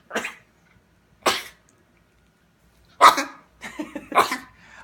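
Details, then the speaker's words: A dog gives several short, dry, huffing coughs in separate bursts, a deliberate protest he makes when he doesn't like something, not illness; behavioral cough. "watch you'll start coughing this is what he does when he doesn't like it"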